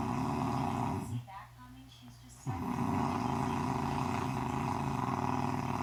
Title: man my girl can snore